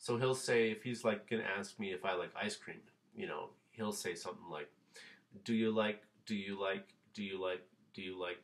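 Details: Father imitating his third child, a son, who repeats phrases over and over, described as similar to stuttering but less intense and less staccato; acted imitation of phrase repetition (stuttering-like disfluency).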